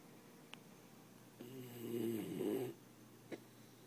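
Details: A small dog asleep in a lap with his neck across an arm gives a single loud, rattling, vibrating snore on inhalation between quiet breaths; snoring.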